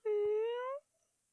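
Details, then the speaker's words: Male cat meowing very quietly in his sleep, which the owner says is how he snores: a single soft, drawn-out meow with a slight upward glide; sleep vocalization. "Church is meowing very quietly in his sleep. Oh, is he? He's like..."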